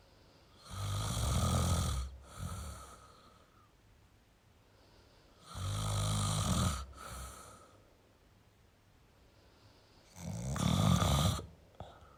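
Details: Adult male snoring: deep, rattling snores on each inhale, each followed by a shorter, softer breath, about 15 breaths a minute; loud ordinary snoring.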